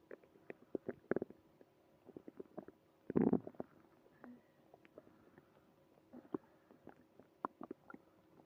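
Irregular gurgles, pops and clicks with one louder rumbling burst midway and a brief squeak; active bowel sounds, stomach growling.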